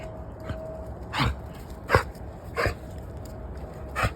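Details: A dog gives four short, harsh, forceful coughs in quick succession over a few seconds: dog cough.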